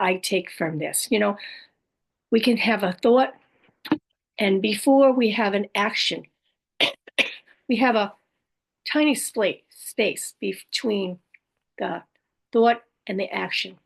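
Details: Adult woman living with aphasia, apraxia of speech, dysarthria and other communication challenges after a stroke: aphasia with apraxia of speech and dysarthria.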